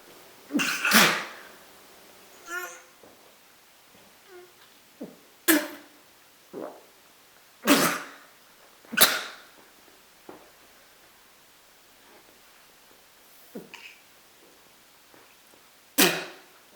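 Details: Sneeze attack: a series of sharp, hissing sneeze bursts over about fifteen seconds with quieter sounds between them; repeated sneezing.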